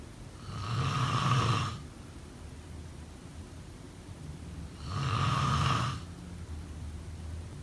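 Two loud, rattling snores on breathing in, about four seconds apart, with quieter breathing between.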